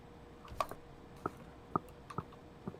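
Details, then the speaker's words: Adult chewing gum shows jaw clicking problem, attributed to long gum chewing and past teeth grinding in sleep; sharp brief clicks with soft squishy chewing sounds: temporomandibular joint clicking. "I actually have a jaw clicking problem. Check this out. Isn't that horrible?"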